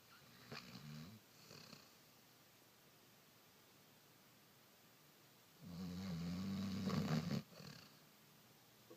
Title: Snoring Dog - June 21, 2013